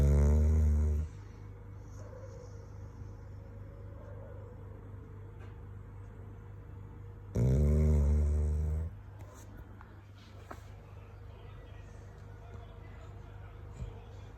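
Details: Male dog sleeping deeply in an air-conditioned room: two loud, low rumbling snores about six seconds apart over quiet room noise; ordinary snoring.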